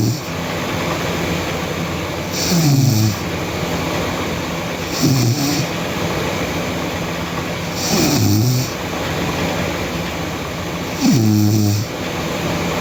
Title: Sleeping Girl Loud Snoring (KRTK) Part 2